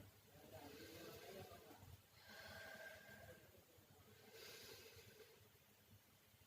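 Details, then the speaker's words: Simulated nursing-skills demonstration of deep breathing before an effective cough: three slow, deep, audible breaths, acted out by a nursing student and a role-play patient. "Disini saya akan melakukan prosedur latihan napas dalam-dalam batuk efektif"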